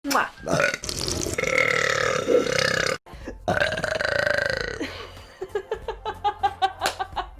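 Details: Long, loud, rumbling burps, the last one breaking into a rapid series of short belches; burping compilation.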